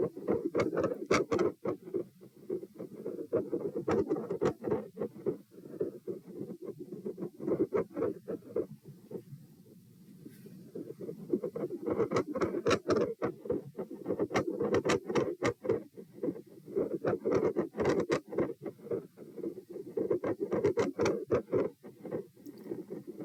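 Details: Auscultation stress test at position P, heart rate 84-90-90-102-114 over lie-sit-stand-bob-stand, unusually low rise compared with previous tests; very phasic heart sounds with scratchy stethoscope contact noise, rate climbing with each posture change.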